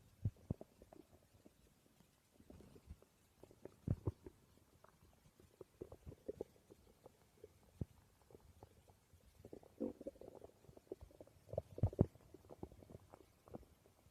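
Quiet, irregular low gurgles and popping rumbles from the belly: ordinary stomach growling, a normal sound of gut movement.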